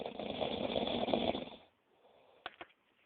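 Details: A loud, harsh, fluttering snore lasting over a second, then quiet with a couple of soft clicks; snoring during sleep.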